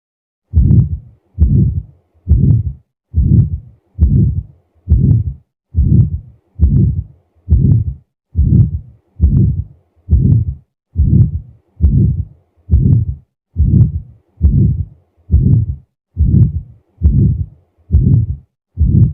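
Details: Aortic stenosis murmur heard on auscultation at the right base.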